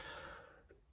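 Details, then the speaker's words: A single soft, deliberate cough from an adult who had recurring tonsil stones, given as an ordinary voluntary cough for comparison with a hard cough. "so what you need to do and this works is you need to cough really really hard so a normal cough for reference sounds like"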